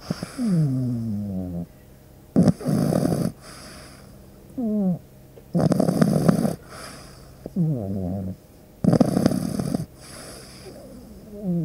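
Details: Sleeping pug puppy: regular snoring with noisy, rattling inward breaths and whistling, wheezy outward breaths, about 18 breaths a minute; snoring.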